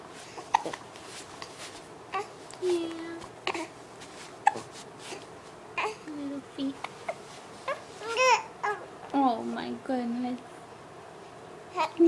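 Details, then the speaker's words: Baby girl with hiccups while smiling and being talked to: short, abrupt catches in breathing repeat through soft infant babbling and coos. "my goodness those hiccups they're terrible okay they're terrible"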